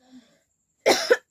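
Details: Real cough from a person with a cold from the heat; a faint brief voiced sound, then a single loud cough with a short second burst.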